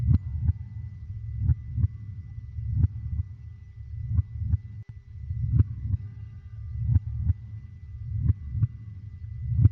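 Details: Slow, steady, muffled lub-dub heartbeat at about 44 beats a minute over a low hum, played as a soothing sound to help a baby sleep.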